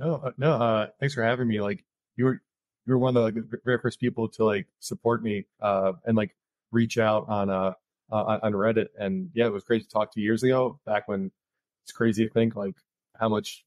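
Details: Stuttering in an adult man, with repetitions and fillers.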